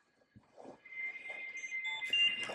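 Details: Ventilator power-disconnect alarm on a home positive-pressure ventilator with heated humidifier, used via tracheostomy tube: a few handling clicks, then a steady high-pitched electronic tone with overlaid beeps after the ventilator is unplugged.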